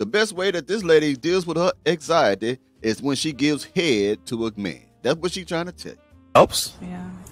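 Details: Adult male speaker; normal speech.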